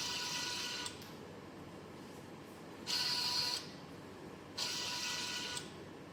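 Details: Repeated bursts of motor and gear whirring with quieter pauses, from a homemade Arduino/ESP32-controlled emergency ventilator arm built as a student COVID-19 project, cycling back and forth.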